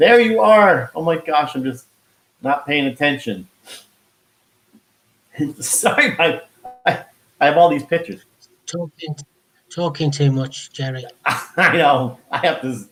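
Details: Man who had a heart attack and stroke at age 49 and could not talk at first; he still loses words and says he was told it is expressive aphasia; finding: expressive aphasia.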